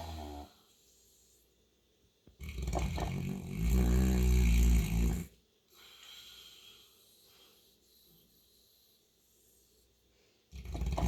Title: Mabel the St. Bernard has some serious snores!